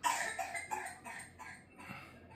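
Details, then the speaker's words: Child with whooping cough (pertussis): a rapid run of about six harsh coughs without a pause, a paroxysmal coughing fit. "het ziet er naar uit Het klinkt naar En het is ook naar Kink"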